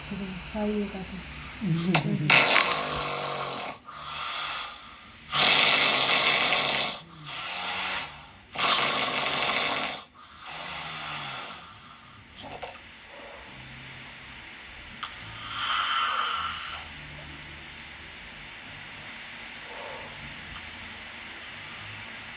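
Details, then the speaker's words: Severe snoring recorded from a patient who had snoring surgery: loud, harsh, rattling snores in irregular bursts with a choking quality; partner says it sounded like being strangled. "옆에서 누가 목을 조르는 거 같은데? 저 처음 사귄 지 얼마 안 됐을 때는 금방 죽는 줄 알았어요."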